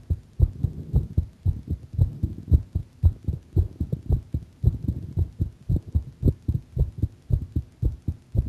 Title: my heart sound a bit faster